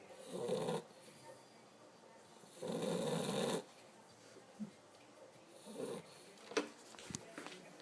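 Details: Tired female pitbull snoring: two loud, rough inhaled snores about two seconds apart, then softer snuffling breaths; ordinary dog snoring.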